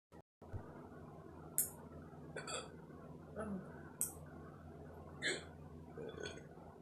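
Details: Person with hiccups, who also mentions coughing: sharp, brief hiccup sounds repeating roughly every second over steady room noise.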